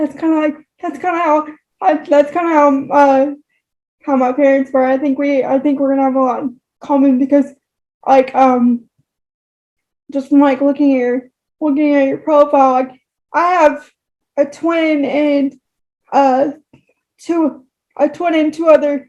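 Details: Woman with cerebral palsy, moderate to severe, affecting all four limbs and her speech; dysarthria.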